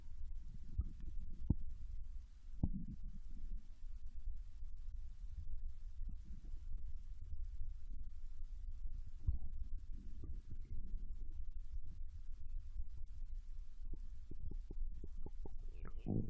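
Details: Soft low gurgles and scattered brief pops over a steady low hum, recorded from a Japanese girl lying on her side in bed while digesting ramen: ordinary digestive bowel sounds.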